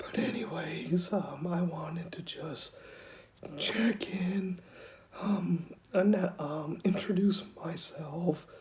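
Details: 49-year-old man with rare mixed adductor/abductor spasmodic dysphonia, diagnosed at 35 (14 years ago), self-described somewhat severe; Botox injections wear off quickly and he needs his next one; spasmodic dysphonia (mixed adductor/abductor).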